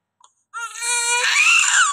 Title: Newborn baby just after birth delivery ||after birth first crying cute baby #viralvideo #video